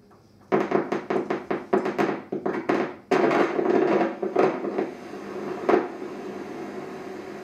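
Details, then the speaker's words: Needle EMG demonstration: a fine disposable wire needle sits under skin cleaned with alcohol. Rapid crackling, popping bursts rise as the subject lifts the fingers, the sound of muscle fibres activating. "skin the sound you can hear is the sound of my muscle as I lift up my fingers you can hear the sound of the muscle fibers as they activate"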